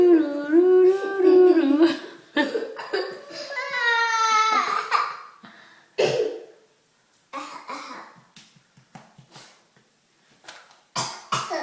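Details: Young child with a cough: whimpers and cries, then several short, abrupt coughs in a small room.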